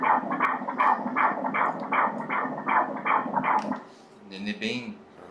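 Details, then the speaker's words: Normal fetal heartbeat on ultrasound at 14 weeks in a second pregnancy: fast, steady whooshing pulses at about 158 a minute, rhythmic. "Her er barnets hjerte, der banker... Læg mærke til hjertet... *hjerteslag*"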